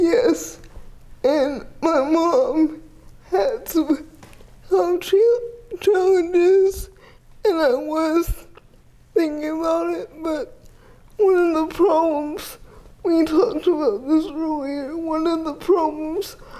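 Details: 30-year-old woman with GMFCS Level 4 cerebral palsy, quadriplegia with an athetoid component, affecting the speech muscles so speech may be unclear; dysarthria (cerebral palsy).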